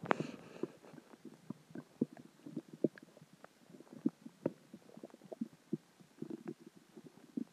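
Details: Stomach growling after dinner, water and gas: continuous gurgling, bubbling rumbles with frequent pops and squelches; borborygmi.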